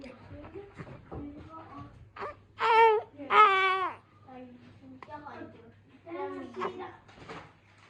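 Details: 51-day-old baby girl fussing with short cooing sounds, then two loud wailing cry bursts and softer whimpers in a quiet room; infant crying.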